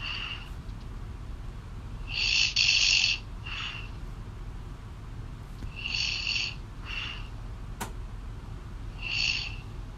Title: Girlfriend snoring loud on call